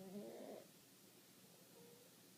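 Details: An ageing Maltese dog gives a short, rumbling snore while asleep, then breathing goes quiet with only a faint soft sound; the owner reports sleep apnea, with 30–40-second pauses in breathing; snoring.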